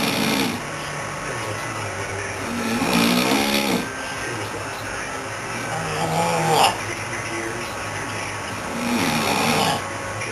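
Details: Man, apparently acted for fun, rough rattling snores on the in-breath, about 20 a minute, with background noise; snoring.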